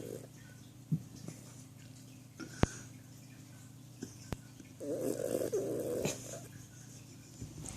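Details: Yorkshire Terrier asleep and snoring: soft low rumbling breaths with a brief louder snore, faint room noise and clicks.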